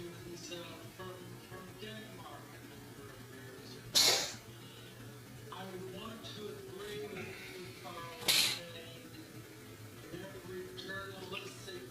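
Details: Two short, sharp coughs several seconds apart over faint background music and talk. Intermittent cough in a male who does not seem sick; the cough is still undiagnosed.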